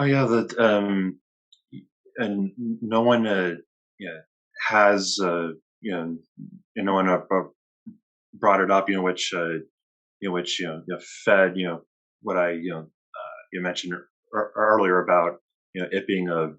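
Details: Adult professor who stutters; stuttering.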